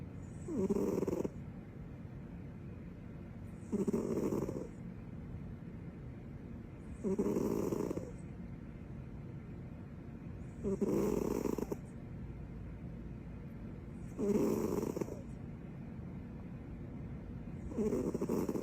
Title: Snoring with her tongue out